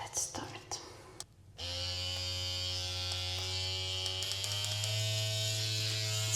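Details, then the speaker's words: Dr. Pen M8S microneedling pen with 42-needle cartridge running loudly on the forehead during a first-time at-home face session; loud steady buzzing motor whine with faint rhythmic ticks, after soft handling sounds. "very loud and scary because of that, but that's fine."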